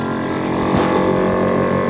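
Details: Elitech Promist-2 compressor nebulizer connected to a pressure gauge during testing, steady mechanical hum and rattle of the motor running continuously; pressure exceeded 50 PSI.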